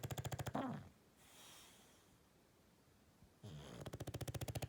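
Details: Snoring English bulldog: loud, rapid, rattling snorts in bursts with a quiet pause between, noisy snoring through a narrowed upper airway.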